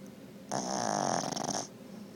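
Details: Boston Terrier asleep on owner's lap, a single rattly, fluttering snore lasting just over a second in a quiet room; snoring.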